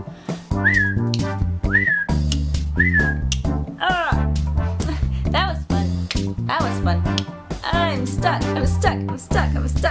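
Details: Real vocal tics from a person with Tourette's syndrome speaking on camera: sudden short whistles and tongue clicks break out in a rapid run over steady background music.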